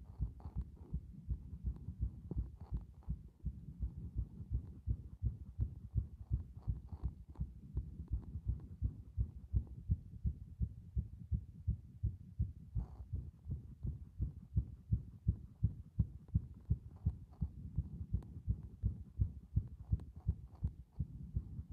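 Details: Steady, regular low thumping heartbeat at a fast rate of about 160 a minute, presented as showing heart muscle strength.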